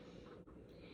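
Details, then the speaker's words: Snoring from a woman, heard in the background while someone talks. " is snoring, so if you hear that, she's right there snoring."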